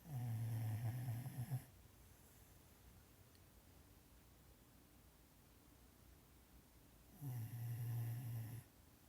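Two loud, deep, rumbling snores several seconds apart with quiet breathing between: snoring during sleep.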